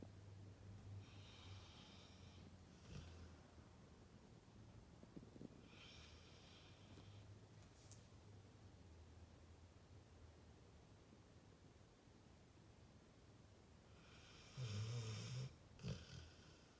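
Quiet, rough breathing noises with a few louder snorting snores near the end, from a sleeping dog; snoring.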